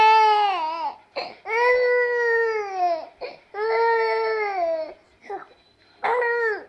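Repeated loud, clear wailing cries with short gasping breaths between them, an ordinary infant cry.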